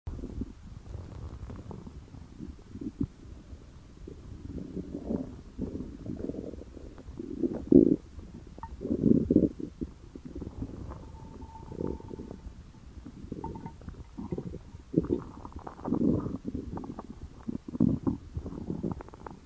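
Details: A hungry stomach growling: irregular low rumbling and gurgling bursts over about twenty seconds; borborygmi.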